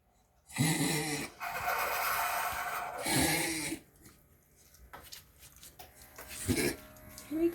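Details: Dog having a run of loud, harsh snorting inhalations in bursts, typical of reverse sneezing.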